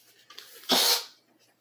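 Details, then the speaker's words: A pet named Norman with a cold gives a single sharp, hissy sneeze, preceded by a couple of brief sniffs, in a quiet room. "Sorry about that noise. Norman has a cold, so he's been sneezing a bit. So he's not mad, he's just sneezing, and he's very tired right now, so he's sleeping in my chair."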